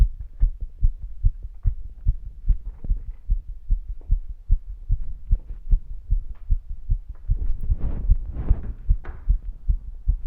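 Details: Longer heartbeat recording taken while active: fast, regular low thumping at about 150 beats a minute, with some rustling noise later; a normal heartbeat quickened by exertion.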